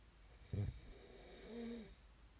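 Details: A brief snorting inhalation followed by a soft humming breath out in a quiet room; snoring during sleep, from an ASMR snoring recording.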